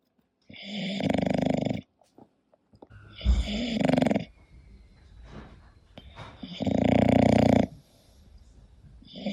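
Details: Sleeping English bulldog: loud, harsh, buzzing snores lasting over a second each, about every three seconds, with snuffling between; noisy snoring of a flat-faced dog, music in background.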